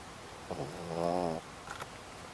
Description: Dog snoring loud